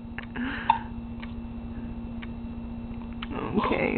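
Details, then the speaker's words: Baby who gets hiccups constantly, even in the womb, hiccuping: a few brief, sharp catches over steady background hum, then fussing; possibly a yawn and a hiccup together. "okay I think that was a yawn and a hiccup"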